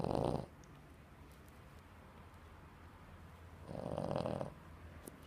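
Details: Funny dog snoring: two loud, rough snoring breaths about three seconds apart with quiet breathing between, from a sleeping dog.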